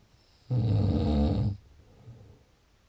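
One loud, low, rattling snore lasting about a second, then quiet breathing noise.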